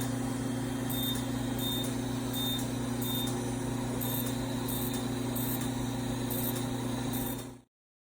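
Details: Steady machine buzz with a low drone and quick, regular high beeps in short bursts: a fractional CO2 laser running during skin resurfacing and tightening in a plastic surgeon's office.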